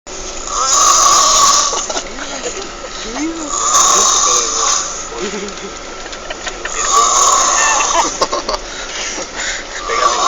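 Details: A friend who fell asleep during a trip snores loudly and roughly about every three seconds over engine-like vehicle rumble; snoring.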